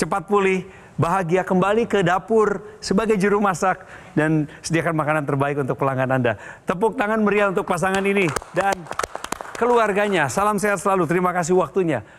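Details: Adult speaker; Normal speech.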